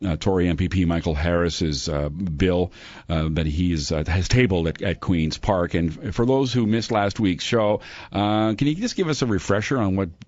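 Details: Adult male radio host; normal speech.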